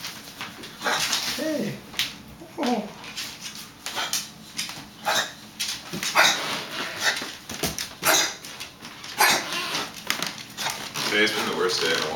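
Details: Boxer puppy, 4.5 months old, with a chronic cough for 1–2 months, mostly on waking or while running, unhelped by antibiotics, antacids and a natural suppressant: repeated short, harsh coughing bursts with a few high whimpers.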